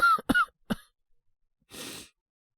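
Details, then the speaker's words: Simulated cough from a voice actor playing a young man with a cold, woken at night by a coughing fit; three short acted coughs, then a quiet pause and a long breathy exhale. "俺も、咳込んで起きたんですけど。大丈夫ですって。"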